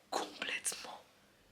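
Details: Aphonia with whispered voice: the speaker reports completely losing their voice for the first time and can only whisper even with full effort.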